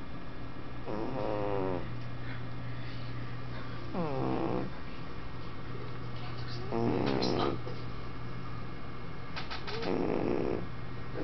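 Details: Loud snoring from a female cat, Little One, at a humane society office; she also coos and purrs.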